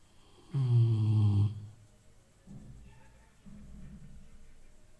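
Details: Sleeping Rottweiler snoring like an old man: one loud, deep, droning snore followed by two softer, rumbling breaths; dog snoring.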